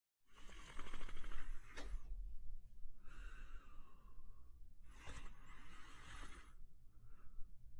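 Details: Male German Shepherd dog sleeping and snoring: three loud, breathy snoring breaths over about eight seconds, with a hum in the background.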